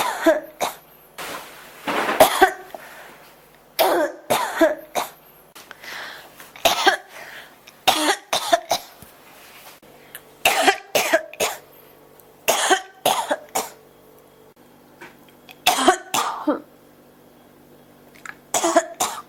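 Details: Persistent cough: repeated bursts of harsh coughing in clusters, with brief pauses between bouts, continuing throughout.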